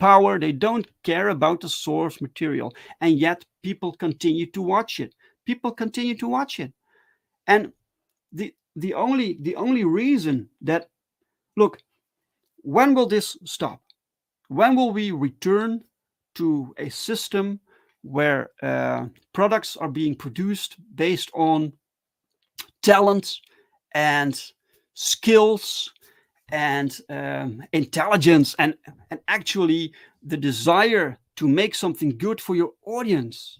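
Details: Adult who stutters, speaking live in a solo stream; stuttering.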